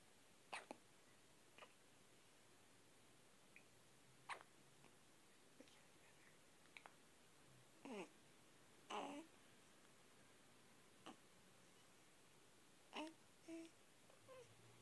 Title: Baby hiccups